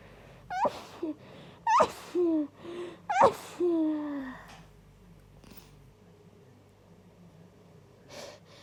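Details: An induced sneeze attack: three sneezes in quick succession, each with a sharp, rising inhaled gasp before an explosive burst, then quiet breathing. Sneezing fit.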